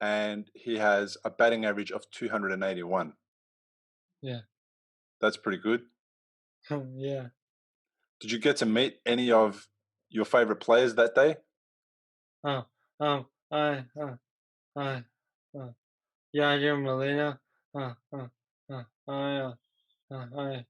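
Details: Male who had a stroke from a ruptured arteriovenous malformation at age 15 that left him in a coma; three years later, trouble getting words out rather than understanding: aphasia (non-fluent, word-finding difficulty).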